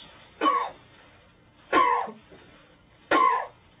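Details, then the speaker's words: During an abdominal examination, an adult patient gives three short, evenly spaced voluntary coughs with quiet pauses, a manoeuvre used to bring out a ventral or umbilical hernia. "sometimes these cough maneuvers and lifting of the head can bring out a venture over on billable hernia"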